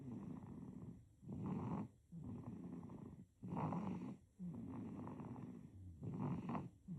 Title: Baby snoring #snoring #babysnoring #baby #snor